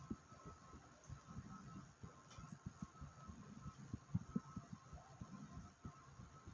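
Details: Own heartbeat, short recording, normal but slightly fast while getting sleepy: soft low regular thumps under rubbing and handling noise.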